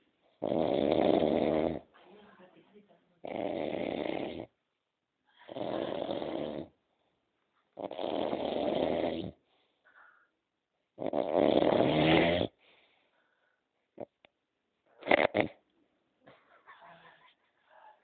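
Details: Very loud, harsh, rasping, shuddering snoring during sleep: five snores about every 2.5 seconds, with small gasps and rustles between them.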